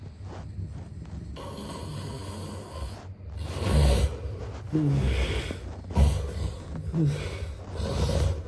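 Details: Snoring sound-effect recording of a sleeping man: deep rattling snorts and rumbling snores over a steady hum of room noise; heavy snoring.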